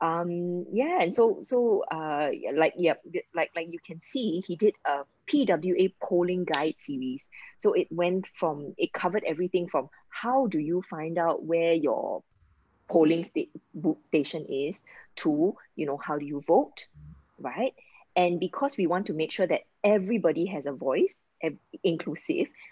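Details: Adult woman speaking; ordinary speech.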